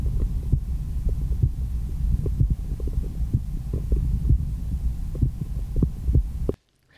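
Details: Real heart sounds played through the MDF ProCardial and then the MD One stethoscope for comparison: soft low thumps of a heartbeat with a steady low hum. Normal heart sounds.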